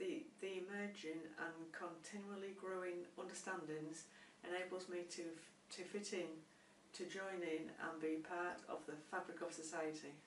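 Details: Adult who stammers and has found stammering therapy helpful, speaking with part-word and word repetitions; stuttering.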